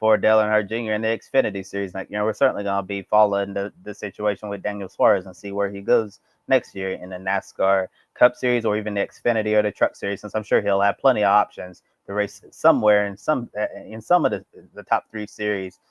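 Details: Adult male speaker; normal voice.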